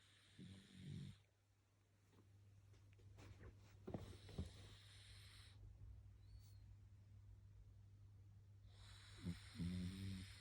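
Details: Pug puppy, nearly 10 months old, snoring while asleep on the bottom of the bed: short low snorting snores at start and end, quiet breathing and steady low hum between.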